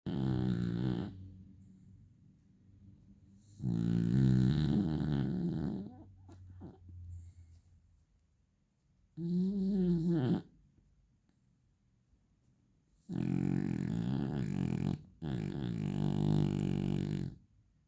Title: #beagle #dog #pet - Snoring aka Ngorok